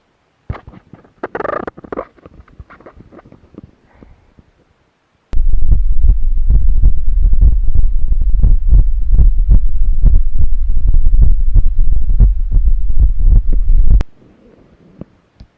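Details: Adult's own heart heard through a digital stethoscope connected by Bluetooth to a laptop: steady low lub-dub at about 88 per minute with no added noises; normal heart sounds.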